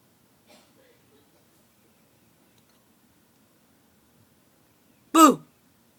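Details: Quiet room, then one sharp, loud voiced 'hic' with a quick falling pitch: hiccup from someone trying to fall asleep, after drinking water too fast.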